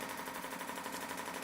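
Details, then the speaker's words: Live demo of a shockwave therapy applicator on the Achilles tendon for tendinitis, about 1,000 shots, making rapid, steady, machine-gun-like rattling pulses that deliver acoustic energy to the tendon. "And it creates like a kind of machine gun type sound where it's pressing into the tendon um to essentially bring uh an acoustic energy to help bring blood vessels to the area,"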